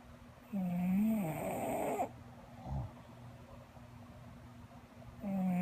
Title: Sleepy English bulldog snoring